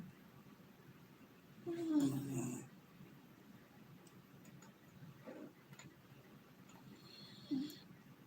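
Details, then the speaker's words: A sleeping dog snoring gently: a few soft, low, rumbling breaths over quiet room noise. "can you hear timmy snoring quite cute"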